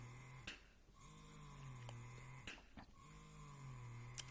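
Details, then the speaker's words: Steady low motor hum with sharp clicks about every two seconds: the suction cycle of a Willow Go wearable breast pump in expression mode at level nine, its strongest setting. "so it definitely um gets stronger as you go okay and then you press the mode button to go over into expression so that's one two three four five six seven eight nine"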